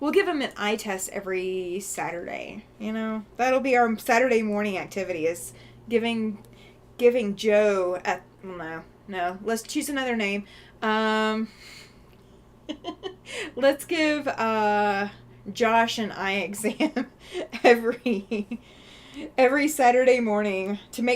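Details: Stuttering in an adult woman who says she has a stuttering problem and is definitely stuttering today, with word repetitions heard.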